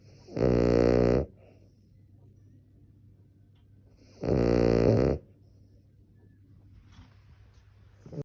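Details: Sleeping Cavalier King Charles Spaniel: two loud, rough, buzzing snores about four seconds apart, with quiet breathing in between; snoring.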